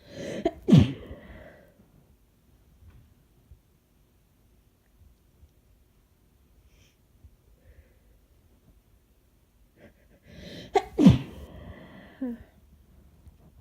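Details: Covered sneezes while sick: two muffled, forceful sneezes about ten seconds apart, a catch of breath before each, in a quiet room.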